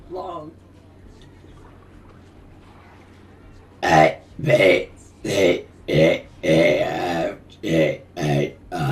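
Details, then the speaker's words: About eight loud, drawn-out voiced belches in close succession after a quiet stretch, one described as wet, during a gaming session; repeated deliberate burping. "hey that one was wet ah they taste like tim tams"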